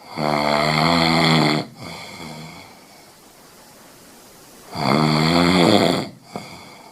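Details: Two loud, buzzing snores with a quiet gap between breaths from a Scottish Fold cat.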